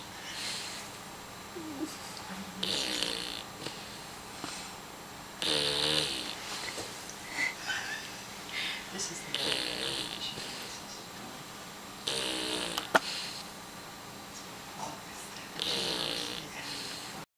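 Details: Sleeping on a person's leg: repeated fluttering, snorty snores, about six in 17 seconds, with quiet room noise between; snoring.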